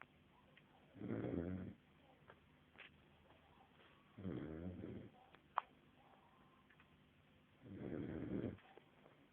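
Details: Sleeping 5-month-old snoring: three loud, rumbling snores at about 17 a minute, each on the inward breath, in a quiet room.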